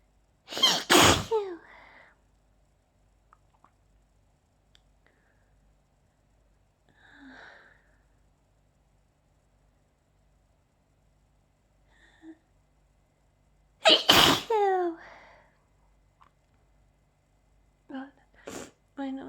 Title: allergy sneezing fit